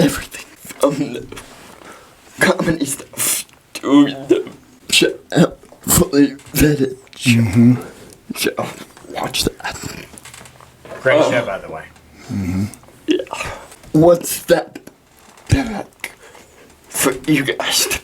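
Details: Dysarthria in a 23-year-old man with cerebral palsy, speaking in a podcast interview; he says he is working on physically being able to deliver his message.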